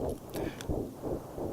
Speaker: That's the sound of a child's heart beating in the womb. And science can measure that sound as early as 16 days after conception.